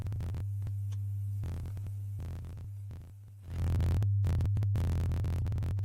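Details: A steady, very low hum: a 50 Hz test tone played through headphones in an uncalibrated online pure-tone hearing test demonstration, which the listener reports not hearing.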